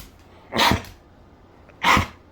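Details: A dog excited about going for a walk gives two short, harsh, forceful coughs about a second apart.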